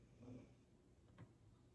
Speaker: i don't know if you guys can hear that but zeus is snoring so i just want to let you know